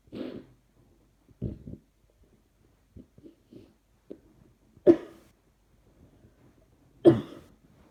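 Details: Repeated coughing, worse when trying not to cough: several short, dry coughs with smaller throat sounds between, about six bursts in eight seconds.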